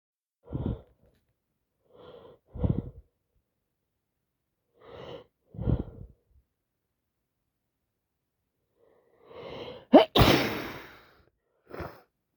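Several wet sniffs and sharp breaths, then a forceful sneeze and a final sniff, as with a head cold and runny nose.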